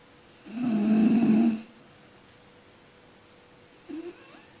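One loud, low, vibrating snore on breathing in, then quiet, with a brief faint snort at the end.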